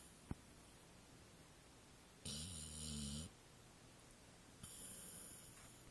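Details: Pit Bull dog asleep: a low rattling snore lasting about a second, then a hissing exhalation over steady room noise. Snoring.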